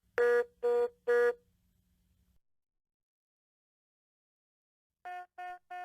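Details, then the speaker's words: Patient monitor technical alert (cyan-background INOP message indicating a device problem or error condition, e.g. ECG leads off): groups of three electronic beeps. "in UPS indicate a device problem or error condition such as this leads off message and they appear in this cyan background and sound like this"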